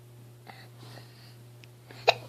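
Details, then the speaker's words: A 3.5-year-old boy with persistent hiccups, whose talking and breathing sound gurgly and laboured; holding his breath did not stop them. "How come it sounds like you're gurgling? You're having a hard time talking and breathing. What is it? I still have hiccups."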